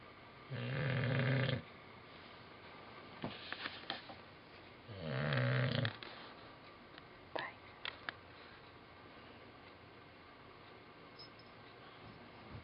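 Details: Old English bulldog snoring in sleep: two loud, rattling snores on inhalation separated by quiet breathing with small clicks and snuffles.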